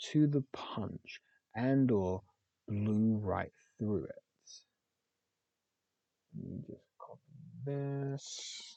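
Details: Person practising a stuttering self-help method, rehearsing a filler inserted before feared words such as names to avoid blocks; stuttering.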